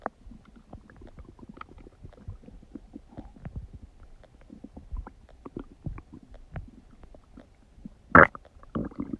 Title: Huge Stomach Digesting Noises | My Stomach Makes Noises